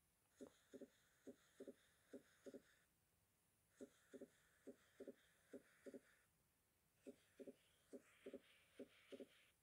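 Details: Fixed wide splitting of the second heart sound: a regular heartbeat near 70 a minute, with S2 split into two parts and a steady gap between them on every beat.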